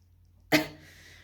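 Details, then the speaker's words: A single short, sharp cough from an adult woman in a quiet indoor room; she is unwell, her voice sounds strange, and she is coughing repeatedly. "अच्छा, मेरी तबीयत थोड़ी ख़राब है जिसकी वजह से मेरी आवाज़ भी अजीब सी आएगी, और बार बार मुझे खांसी वगैरह आ रही है।"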